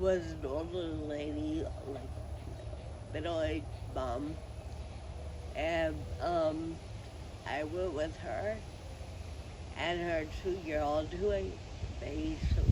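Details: Adult woman with Friedreich ataxia who uses a wheelchair; her speech may need captions to follow; ataxic dysarthria.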